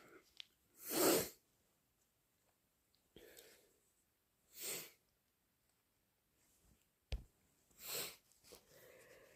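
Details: Three loud, forceful induced sneezes with short breaths and sniffs between them, among repeated achoos and nose blows; strong induced sneezing.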